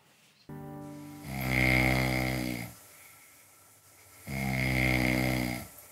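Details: Loud rattling snores on inhalation, two in about six seconds with a quieter exhale between, from a sleeping contestant on a TV dating show where matched singles spend 24 hours together, including sharing a bed.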